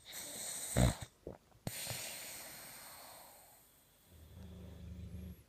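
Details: Sleeping female boxer puppy snoring heavily: a loud snorting inhalation followed by softer rumbling nasal breaths.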